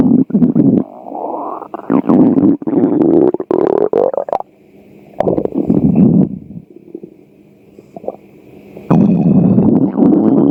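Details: Long, low gurgling and rumbling runs with bubbly pops and rising tones; stomach growling (borborygmi) from hunger.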